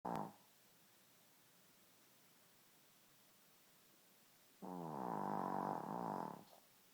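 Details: Quiet room, then a fluttering, rattling snore on one breath lasting about two seconds from a sleeping Shih Tzu; dog snoring.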